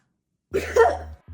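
A single short, harsh cough burst with a throat-clearing quality, heard in a quiet room.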